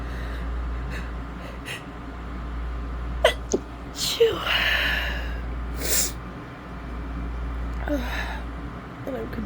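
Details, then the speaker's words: Woman in bed with a summer cold for a few days, itchy congested nose and recent sore throat: several sharp sneezes with breathy intakes before them, then sniffing. "I'm congested and I just want to sneeze like a million times and get the itch out of my nose, but it never seems to go away."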